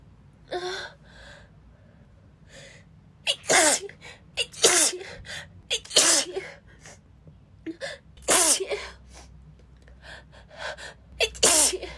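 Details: Female who is sick: a rapid run of about eight sharp sneezes with quick gasping breaths between, more sneezes than she can manage a full breath: repeated sneezing fit.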